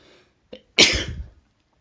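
A brief inward catch of breath followed by one sharp, explosive, hissing burst: a single sneeze.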